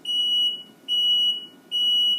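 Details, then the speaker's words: Older Cardinal/CareFusion T-Bird series (Vela) ventilator at power-on for pre-use check, patient removed: three loud, steady high-pitched alarm tones repeating about every 0.8 seconds before alarm silence is pressed. "I also hit alarm silence because I don't want to listen to that beat"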